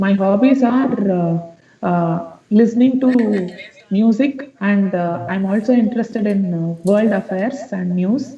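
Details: Male student with a high-pitched, feminine-sounding voice for 5 to 6 years, explained by the therapist as a childhood habit of not accepting pubertal vocal cord change, recorded before therapy on assessment day; puberphonia (mutational falsetto).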